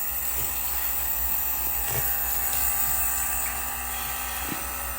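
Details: Child coughing, possibly pneumonia, receiving nebulizer treatment while told to breathe normally: steady mechanical hum with a constant airy hiss of the nebulizer running.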